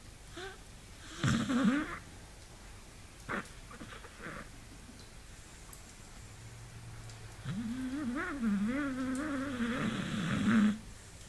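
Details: Loud, drawn-out snoring from Hunter, a sleeping beagle: two long, low, rattling, grumbling sleep breaths, louder and longer than usual.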